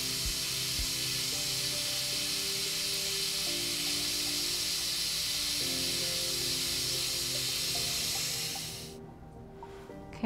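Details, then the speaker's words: Steady high hiss of a high-speed dental handpiece with water spray, bevelling enamel on tooth 7 after drilling out an old mesiofacial filling, Class III restoration under rubber dam, before OMNICHROMA composite; background music. "so now we're just going to do a bit of a bevel and you can do more like a starburst bevel as well just to get different planes of the enamel and better blending with your product so we'll do that right now"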